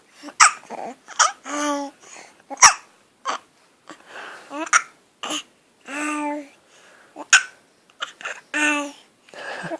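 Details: A baby girl with hiccups while trying to talk: sharp, abrupt hiccup sounds repeating among soft babbling and coos.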